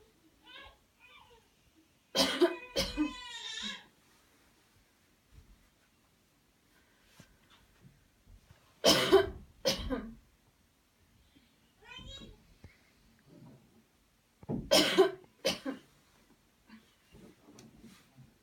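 Three deliberate bursts of two or three strong coughs each, several seconds apart, with soft breathing between. Voluntary airway-clearance coughing.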